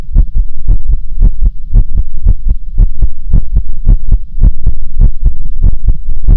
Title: Differents heartbeat sounds/différents sons de coeur 🫶🏻